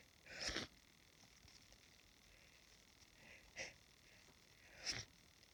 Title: Sniffing and sneezing at grass pollen